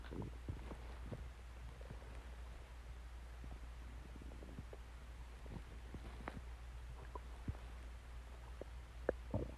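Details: Stomach growling: scattered gurgles, squeaks and clicks over a low steady hum; borborygmi.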